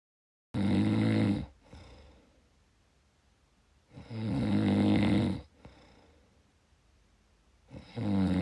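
Loud, rough snores about 16 times a minute, each followed by a quiet breath out: steady snoring during sleep.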